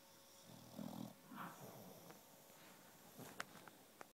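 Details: Puppy snoring, with soft snuffling snores and snorts in a quiet room.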